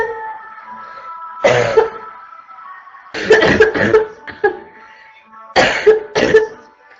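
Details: Adult woman with a constant barking cough: about eight to ten harsh, barky coughs in quick bursts and clusters over soft background music.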